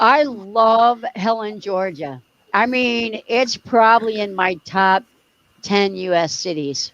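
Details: Adult speaker; normal speech.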